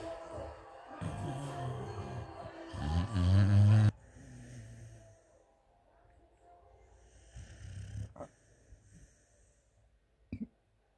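Loud low rattling snore building over a few seconds, then quieter snuffling breaths from a sleeping dog; ordinary snoring.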